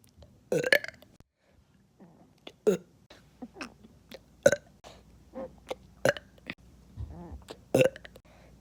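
A run of about eight loud, throaty burps in quick succession, each a short rough belch of air from the stomach.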